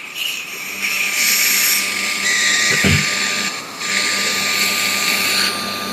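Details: Steady high-pitched whine of a running surgical drill with brief load changes over operating-room noise, during live endoscopic endonasal surgery with nasal flap harvest via inferior tunnel along the nasal floor; surgical drill.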